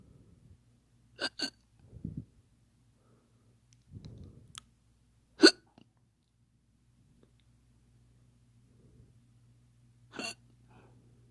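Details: Faked hiccups: four sharp, brief hiccup-like gulps at irregular intervals with soft breaths between.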